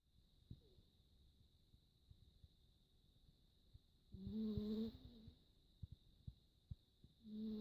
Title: Happy Cat Snores